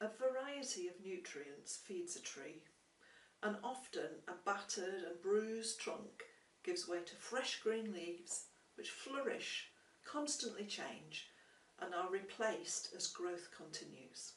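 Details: Adult woman; typical speech.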